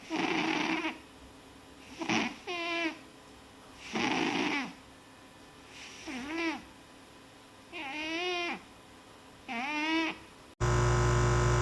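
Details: A pet asleep and snoring: alternating rough breath noises and whistling, squeaky snores about every two seconds, ending with a loud burst of noise.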